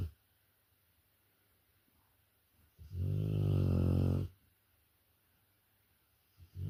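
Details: Rottweiler dog sleeping, one loud, deep, buzzing snore lasting about a second and a half with quiet before and after; snoring loud enough to disturb sleep.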